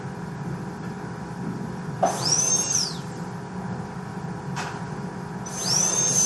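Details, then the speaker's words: High-speed dental handpiece with 856.016 round-end bur in two short cutting bursts while preparing tooth #14 for an all-ceramic MOD onlay; the bur is burning a lot, possibly an older bur. "Burning a lot for some reason. Maybe it's an older burr."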